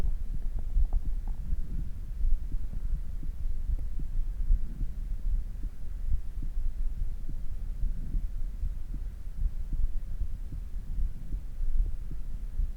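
Rapid, soft low thumps of a heartbeat under a steady hum, a quickened rate after exercise settling back toward normal.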